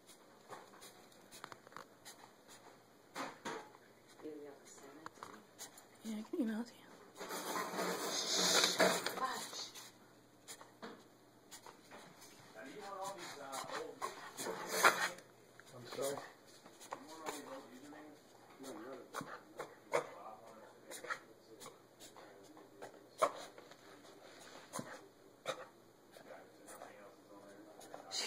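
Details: A dog gives a harsh, noisy coughing spell with a few short hacking bursts before and after, in a quiet room; the dog otherwise seems perfectly happy.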